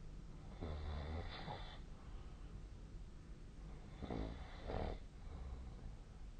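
Two soft, low snores against steady low room noise.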